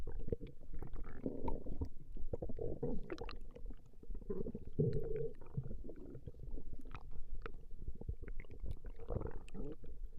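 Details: Recording of a woman's stomach growling: continuous low gurgling and rumbling from the belly with bubbly swells that rise and fade, gas and fluid moving through the gut; borborygmi.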